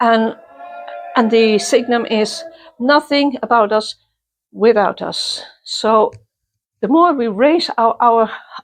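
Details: Self-identified person who stutters, interviewed at a youth exchange for people who stutter or clutter; stuttering.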